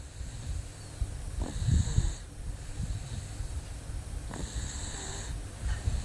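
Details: Low rough rattling breaths during sleep, two snores a few seconds apart over steady background noise; ordinary snoring.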